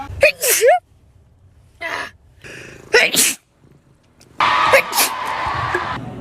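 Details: A run of several short, explosive sneezes with breaths between them, over music, from a short sneezing compilation.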